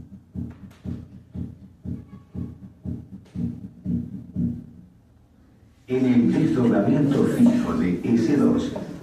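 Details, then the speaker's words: Persistent splitting of the second heart sound in a dog with dirofilariasis, unaffected by respiration, at 60 then 120 beats per minute. "la pilari Asis es una causa común de desdoblamiento persistente de s2 en el perro"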